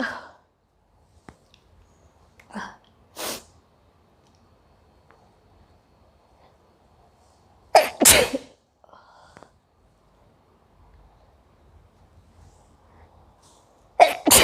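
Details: Repeated sneezing during a bay leaf (tej patta) sneezing challenge: several sharp, explosive sneezes, some in quick pairs, separated by quiet stretches.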